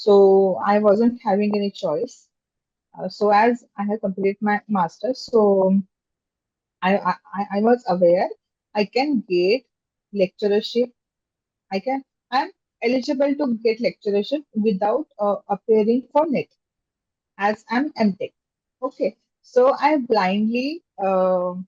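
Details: Adult woman who stammers, speaking in a podcast interview; stammering.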